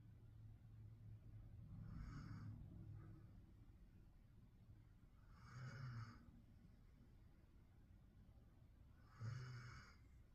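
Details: Soft, low rumbling snores with airy breath noise, about three breaths in ten seconds, over steady room noise, from a puppy napping after a long day; snoring.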